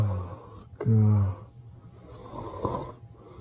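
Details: Sleeping Pyrenean Mastiff dog snoring: a single loud, low, rumbling breath followed by softer breathing noise.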